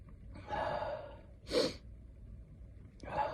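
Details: Induced sneeze during a terrible cold: a drawn-in breath, then a sharp burst of a sneeze, then another indrawn breath.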